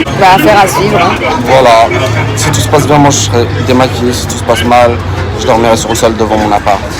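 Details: Adult man speaking French; Normal voice.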